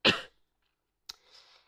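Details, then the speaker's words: Single short, forceful cough from an adult woman who is ill and feels something stuck in her throat, followed by a faint breathy exhalation; cough. "Excusez-moi, j'arrête pas de m'étouffer, j'ai un truc dans la gorge."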